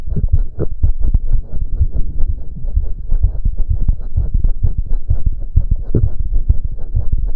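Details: Male doing intense cardio workout, about 15 minutes; reported heart rate close to 200 bpm. Rapid, pounding heartbeat with dense low thumps and heavy breathing noise: exercise-induced tachycardia.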